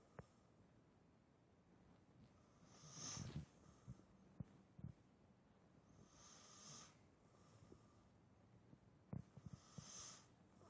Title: A Mother Snoring While Sleeping